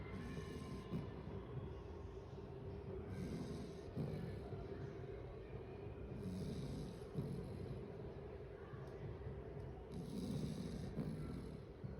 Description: white retriever puppy often sleeps snoring loud as you can watch in the video he is always playful and tireless with us